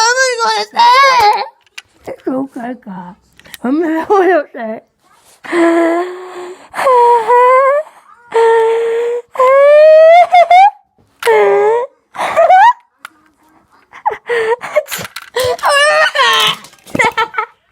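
Repeated whiny, wailing cries from a young child, broken by pauses, with some adult talk between; an ordinary upset cry.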